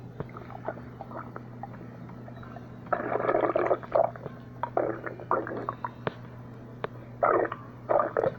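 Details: Stomach growling (borborygmi), recurring: bursts of gurgling, bubbling rumbles with brief pops between, over a steady low hum.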